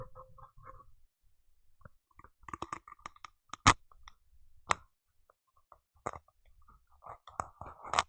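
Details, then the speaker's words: Scattered clicks and scraping pops, vibro-acoustic signals from a spinal needle passing through tissue layers until it reaches the subarachnoid space; spinal needle insertion sounds. "the same for the spine yeah so you can hear all the parts until he arrived to the super arachnoid arachnoidal space"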